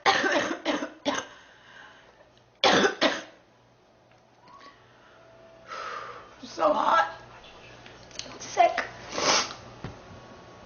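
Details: Girl who says she is sick and mentions 3 weeks: repeated harsh coughing bursts in clusters with groans and breaths between, a persistent cough.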